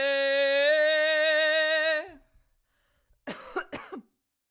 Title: full on chest voice 🔥 vocal improv, coughing included